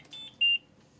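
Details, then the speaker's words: Ventilator high pressure alarm, which can sound when a tracheostomy tube is plugged: a short, shrill electronic beep. "if your child is on a ventilator a high pressure alarm may sound"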